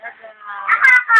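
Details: Infant crying just after waking: a brief cry rising from a soft whimper to two louder wailing bursts.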